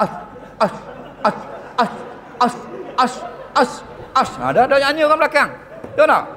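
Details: Acted imitation of an imam with severe, prolonged stuttering (stuttering imitated).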